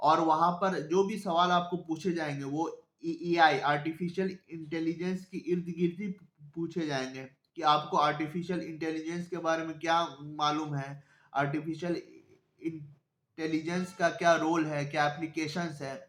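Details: Stuttering in a self-identified adult male who stammers, speaking Hindi; stuttering.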